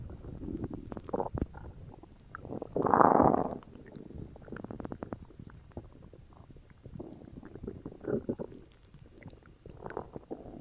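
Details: Stomach growling after drinking cola: gurgling, bubbly rumbles with a louder surge midway and crackly pops, bowel sounds (borborygmi).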